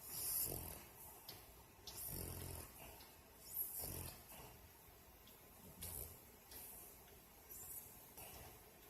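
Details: Sleeping female dog snoring like a person, her lips moving at times as if talking in a dream: soft, irregular, low rumbling snores at about 36 per minute over a noisy background.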